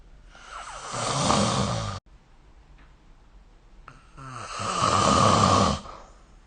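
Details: Two loud, rough inward snores with a quiet pause between, soft-tissue rattle during sleep; snoring recorded with the SnoreLab app.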